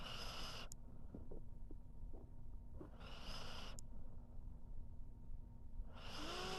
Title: How To Make Someone Pissed Off? Just Snore While Sleeping #dog #pet #sleeping #snore #snoring